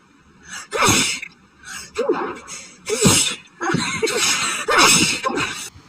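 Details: Woman's sneezing fit set off by flowers, tickly and itchy, tried to stifle: five or six sneezes in quick succession, each with a sharp intake of breath before it.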